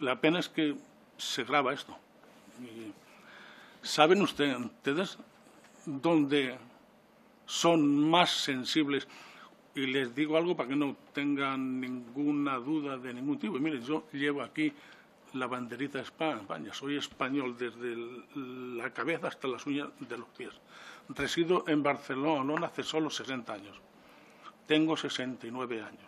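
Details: 69-year-old man with self-reported stuttering, speaking publicly in person before a parliamentary disability commission; he says stuttering makes him take longer to say things than to think them; stuttering.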